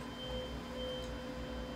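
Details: Tuning fork struck for a Rinne hearing test, comparing air and bone conduction in a demonstration of conductive hearing loss: a steady, soft pure tone.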